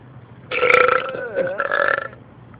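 A long, loud voiced belch with a bending pitch, broken by a brief dip and then a second drawn-out part.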